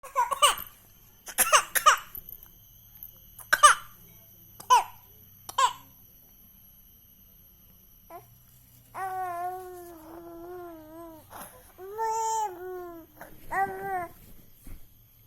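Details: Several short, sharp coughs from a baby, followed by higher-pitched baby vocal sounds and fussing; infant cough.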